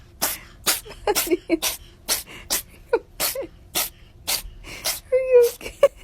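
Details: Compilation of pets such as dogs and cats sneezing: sneeze.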